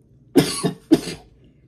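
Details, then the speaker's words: Two short, harsh coughs in quick succession from an adult man right after inhaling vapour from a Strawberry Cough cannabis extract; irritant cough. "it does make you cough the Strawberry Cough side the cough is there boys and girls the cough is there but"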